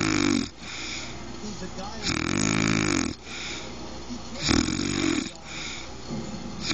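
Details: Adult woman (wife) snoring: loud, rough rattling snores in regular breaths, about four in the clip, with quieter breathing between.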